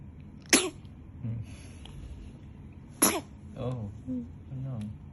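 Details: A newborn boy 12 hours old, held in his mother's arms in hospital after 50 hours of labour, gives two sharp, high-pitched sneezes about 2.5 seconds apart with soft infant breathing between them.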